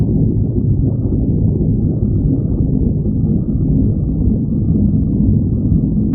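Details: Stomach growling (borborygmi): continuous low rumbling and gurgling from the belly, ordinary gut activity.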